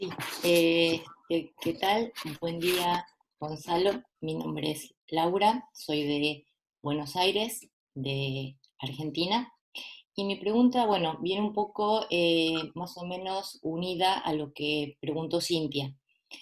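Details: Adult woman who has stuttered all her life, untreated in childhood and adolescence, who decided in her fifties to see a speech therapist; stuttering.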